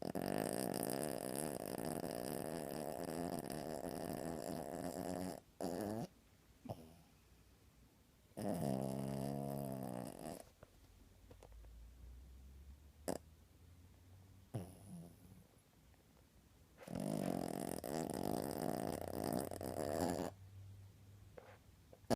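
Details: Puppy asleep under the covers, snoring: rough, rattling breathing noises in long bursts separated by quieter pauses.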